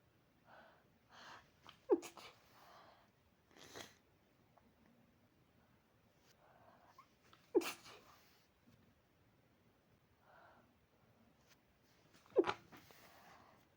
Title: insomniac sneezes